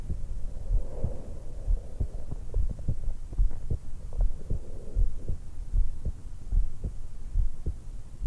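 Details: Normal resting heart and breath sounds of a 20-year-old woman, recorded just after waking, lying supine in bed, stethoscope microphone at the suprasternal notch: steady soft heart thumps about 73 a minute with slow quiet breaths underneath.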